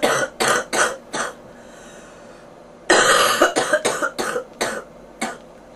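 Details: Bronchitis cough in a person reporting fever and popping ears: two bursts of harsh, chesty coughs, about eleven in all, with a pause between.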